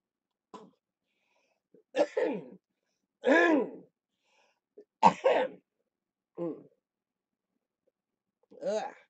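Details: An adult man with cystic fibrosis during live-streamed lower-lobe chest therapy, with rattling in his chest: six separate productive coughing and throat-clearing bursts, some with voiced, gurgling tails, in a quiet room.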